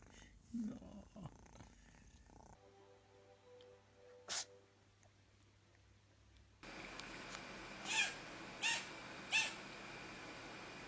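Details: A little kitten gives several small, sharp sneezes in a quick series after some quieter sounds; a normal sneeze.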